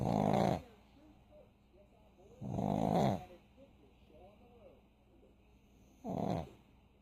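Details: Sleeping pug: three loud snorting snores in seven seconds, separated by quiet pauses with faint wheezy whistles; snoring.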